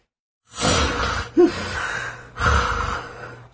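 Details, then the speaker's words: Patient with severe snoring in a news report on sleep apnea: loud rough snore, breath seeming to stop, then a sharp choking gasp and loud snoring again; gasping in sleep apnea. "넘어갈 듯하다가 헉하고 숨이 막히는가 싶더니 다시 코를 크게 굽니다"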